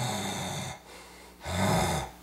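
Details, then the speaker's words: Adult, not a habitual snorer, imitating snoring with jaw pushed forward (mandibular advancement): two lighter, higher, low rattling fluttering snores, quality reduced versus deep throat snore. "can hear the quality is a lot less, but if I try to do the snoring from down here where it's like my tongue."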